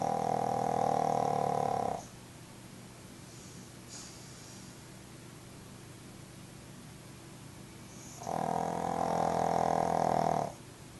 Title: Pug snoring!